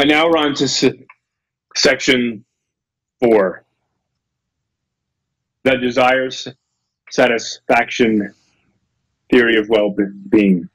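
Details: Real adult male lecturer who says he has a speech impediment, stutters and gets stuck on his words, giving a talk; stuttering.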